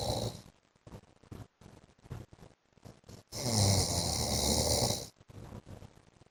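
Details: Adult man (husband) asleep: irregular snoring and snorting noises with one long, loud rattling snore in the middle; snoring.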